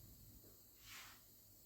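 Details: A soft hiss of air over a low steady hum from a Wilaflow Elite NEO non-invasive ventilator during testing: non-invasive ventilator airflow.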